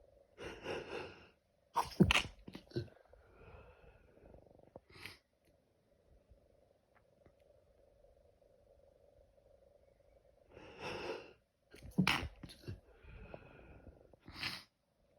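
A run of loud, sharp sneezes in two bursts with quick breaths between, in a quiet room; a sneezing fit.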